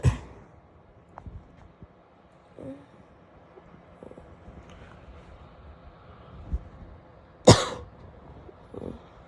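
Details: Female: two sharp single coughs separated by quiet stretches, with faint throat noises in between, a plain cough.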